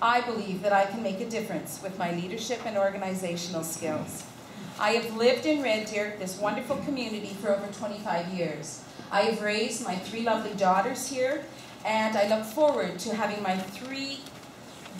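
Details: Adult woman speaking; normal voice.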